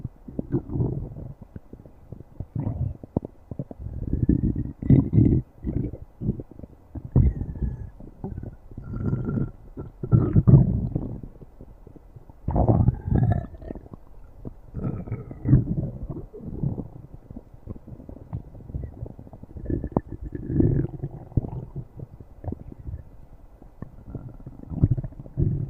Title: stomach growling